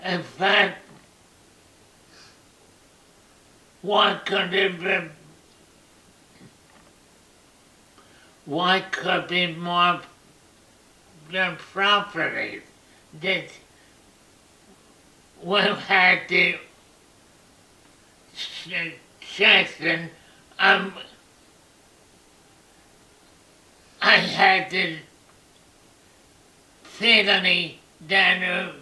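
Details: Adult man with aphasia after a stroke 6-8 years earlier, treated with tDCS; halting speech with long pauses, words known but hard to get out; non-fluent aphasia.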